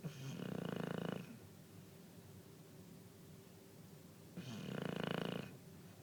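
Two long buzzing snores about four seconds apart, each lasting about a second, with quiet breathing between; snoring at roughly 14 breaths a minute.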